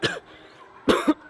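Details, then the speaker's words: Two harsh coughs, the second a double burst, from an adult man right after a hard CrossFit workout of 30-pound wall balls and bar muscle-ups: post-exertional cough ("Fran cough"). "Fran cough. Super awesome. Well, no, not super awesome. Pretty freaking terrible."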